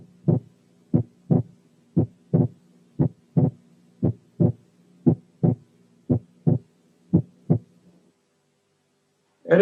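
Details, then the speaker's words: Normal inspiratory splitting of the second heart sound. "الحالة الثالثة كانت normal inspiratory splitting of the second heart sound"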